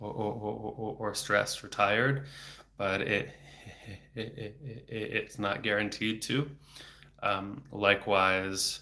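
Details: Adult man who has stuttered since age eight, about 26 years, with speech therapy off and on until his early 20s; not using fluency strategies here; he reports blocks with throat tension and frequent repetitions; stuttering.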